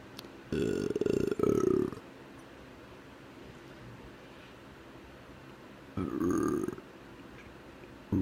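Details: Two loud, drawn-out voluntary belches on command, each about a second long, separated by quiet room noise: ordinary burping.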